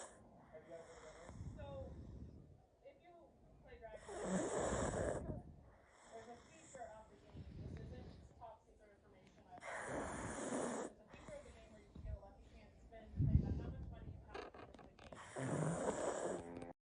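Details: Pug dog snoring: loud rattling snores with snorting, about one every six seconds, with quiet gaps between them.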